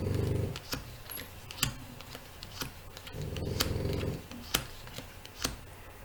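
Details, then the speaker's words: Small French bulldog snoring in the background. "Ah, si vous entendez ronfler, c'est ma chienne. C'est Noisette. C'est un petit bulldog français, elle ronfle."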